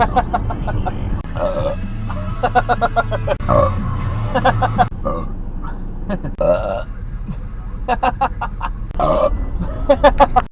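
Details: Burping while driving: several loud, drawn-out burps over steady engine and road rumble.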